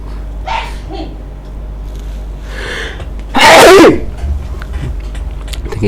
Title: Sneezing #sneezing #နှာချေနေသည် #sneezingchallenge #fyp #foryou #khhfood #khhvlog